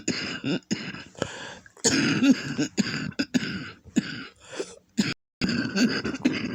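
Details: Person with a lupus flare, congested lungs, and back and chest pain from coughing to the point of vomiting: repeated harsh, wet coughs in close succession with throat clearing and graphic mucus; productive cough.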